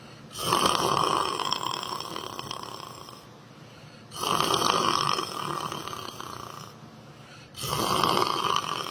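Three long, rasping breaths in with quieter breaths out between them, about one every 3.8 seconds, or 16 a minute: steady snoring.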